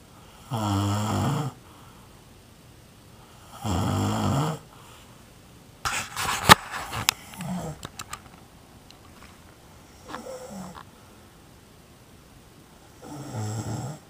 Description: Somebody I know that is snoring. I cannot say who..